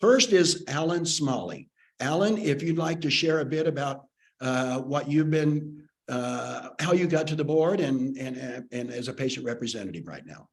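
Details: Adult male speaker; ordinary speech.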